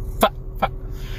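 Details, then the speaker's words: Adult male stand-up comedian from Texas with Tourette syndrome: two abrupt, turkey-like gobbling yelps in quick succession, which are involuntary vocal tics of Tourette syndrome. "so my name is most people just call me and i have tourette syndrome"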